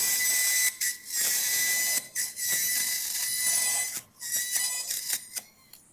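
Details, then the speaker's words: High-pitched whining hiss in bursts with short pauses, faint music behind: a high-speed surgical drill making a transverse cut through the pars after laminotomy during minimally invasive TLIF spine surgery, disarticulating the inferior facet. "okay once you drill through the parts this will disarticulate then for your facet and i'm almost there one or two areas"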